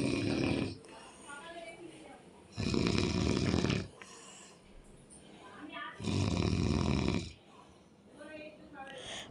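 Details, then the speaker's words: Adult man, the speaker's father, snoring heavily while asleep: loud, deep, rattling snores on each in-breath, about three breaths in nine seconds, with quieter out-breaths and faint talk nearby. "আমার বাবা কেমন নাক ডাকে শুনুন, এই জন্য আমি থাকি না, এত নাক ডাকে আমার বাবা।"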